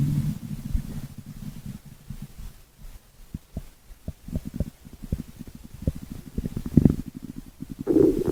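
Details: Stomach growling (borborygmi): low rumbling and bubbling gurgles with scattered soft pops.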